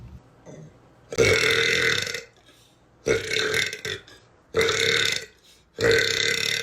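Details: Tattooed young woman with deep belches: four loud, drawn-out burps, each lasting about a second, separated by short pauses.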